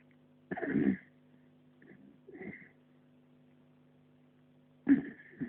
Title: Snoring puppy